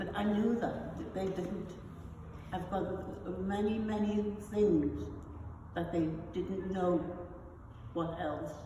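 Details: Adult woman with non-fluent aphasia after a stroke, who also has foreign accent syndrome; non-fluent aphasia.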